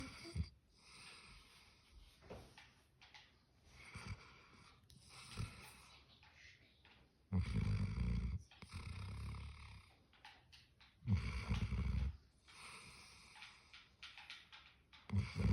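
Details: Sleeping Greater Swiss Mountain Dog puppy: deep, rumbling low snores, a few loud pulls among quieter breaths; ordinary snoring.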